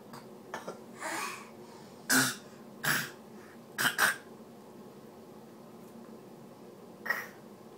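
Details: Child copying his dad's coughs and burps: several short, sharp cough-like bursts and throat clearing, imitated cough.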